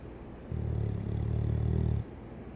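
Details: 14-year-old Golden Retriever peacefully snoring when tired: one long, low, buzzing snore lasting over a second.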